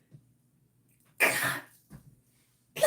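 One harsh, fairly dry cough, then a softer one and the start of a third: cough from interstitial lung disease.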